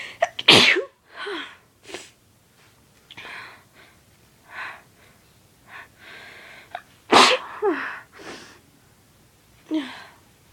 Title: More induced sneezes